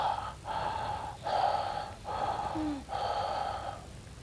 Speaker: in contrast bronchial breathing bronchial rhythms are much harsher and they sound somewhat like this